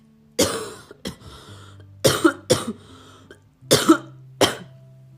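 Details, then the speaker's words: An adult woman coughs after waking with aching limbs, ongoing cough and quickly building throat phlegm; she suspects COVID-19 infection rather than a cold: cough. "听见没有？咳嗽了。如果是以前咳嗽，我就会怀疑自己感冒了，因为天儿冷，我这嘚瑟穿的少，有可能是冻着了。"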